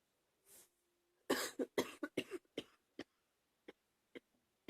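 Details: Adult on day 4 of a viral illness now moving into the chest: a run of about seven rough coughs after an inbreath, a chest cough.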